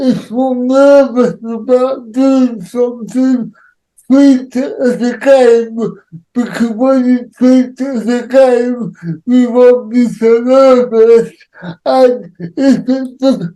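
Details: Adult man with cerebral palsy; dysarthria associated with cerebral palsy.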